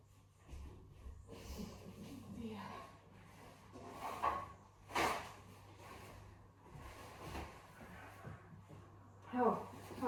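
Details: Adult sneezing and blowing nose in a kitchen: a few sharp nasal bursts over a steady appliance hum.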